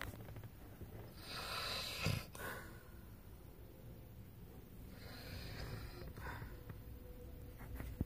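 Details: Adult woman snoring during sleep.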